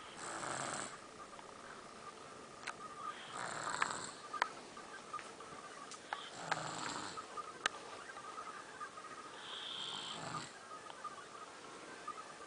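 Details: Four soft, hissing breath sounds spaced about three seconds apart, about 19 a minute, with a faint steady background tone: light snoring.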